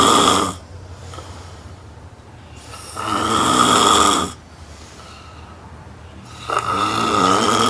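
Loud, harsh snores repeating roughly every three to four seconds, with quiet exhalations between; heavy snoring.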